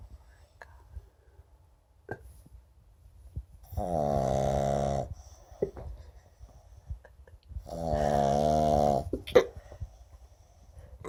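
Two long, loud, rattling snores on the in-breath, about four seconds apart, with quiet snuffles between; snoring in a sleeping flat-faced dog.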